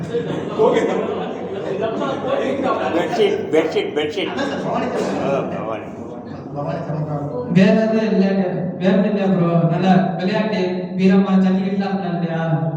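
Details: Man speaking Tamil as a participant in a stage-fear exercise at a stammering workshop in Madurai, April 2025; stuttering.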